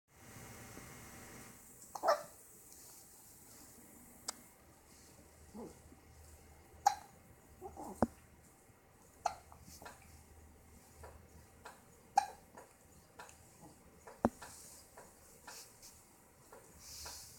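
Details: Recurring soft, sharp hiccups about every one to three seconds, roughly seven in the stretch, in a quiet room: hiccups.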